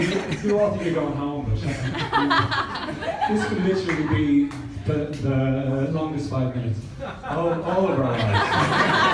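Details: Real stuttering in an adult male who stutters, performing live stand-up comedy.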